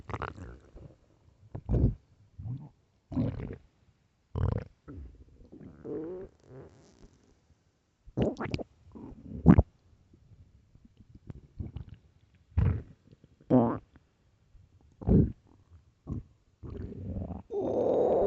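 Repeated short gurgles and rumbles from the belly at irregular intervals: hunger growling, a normal gut sound.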